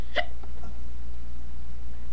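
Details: Person with hiccups talking to a webcam at 9:15, saying breath-holding doesn't help; one sharp hiccup near the start, then a steady low hum and room noise; hiccups.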